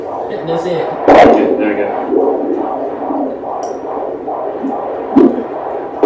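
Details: Rapid, regular whooshing fetal heartbeat on Doppler, roughly 140 beats a minute, from a baby boy in the womb (due date November 15, 2018). Fetal heartbeat.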